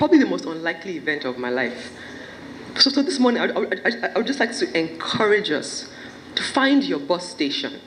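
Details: Stuttering in an adult woman giving a speech at a stammering awareness event; she says her stammering worsens when she is nervous.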